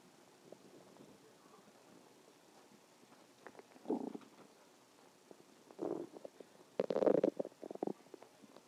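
Several low gurgling rumbles, growing louder and longer toward the end, ordinary stomach growling from gas and fluid moving through the gut.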